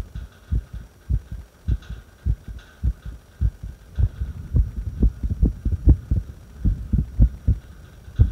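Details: Irregular heartbeat recorded during a breath hold: low heart thumps with uneven spacing, some beats closer together and some farther apart.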